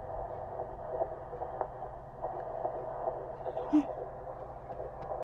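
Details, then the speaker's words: Fetal heartbeat at 15 weeks on a handheld Doppler at a midwife clinic: muffled, rhythmic whooshing. Baby sits low and small, so the spot took time to find. Mother has PCOS. "And so that's awesome that we heard the heartbeat. I was getting a little bit nervous at first."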